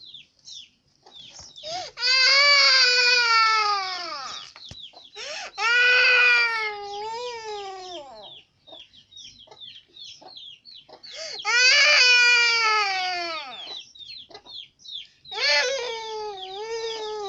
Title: Children crying